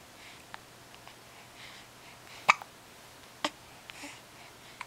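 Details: 6-week-old with hiccups: two sharp, brief hiccup-like clicks about a second apart, with a few fainter catches in a quiet room.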